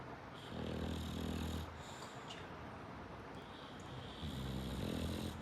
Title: Snoring like he pays the bills around here.😝🤭 #themiafamily #englishbulldog